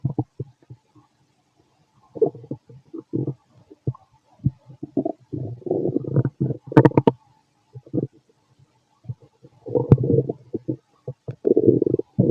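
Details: Fit adult male, after lunch and a carton of milk, recorded with a stethoscope on the abdomen: frequent low gurgles and bubbling rumbles in bursts, active normal post-meal bowel sounds (borborygmi).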